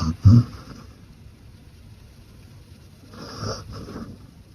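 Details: Low snorting breath sounds from a sleeping female Beagle dog, with a quieter rasping breath a few seconds later: snoring.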